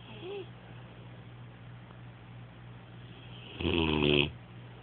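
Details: Rocko snoring, recorded on an Android phone: one loud, rattling inhaled snore near the end over a steady room hum; snoring.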